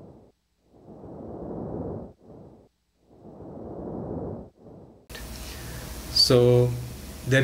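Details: Vesicular breathing of increased intensity on chest auscultation in a patient with pneumonia consolidation.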